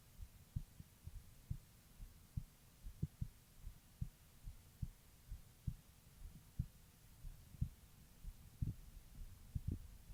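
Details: Female heartbeat recording: soft low thumps over a steady hum, roughly 70 to 80 beats a minute; an ordinary heartbeat.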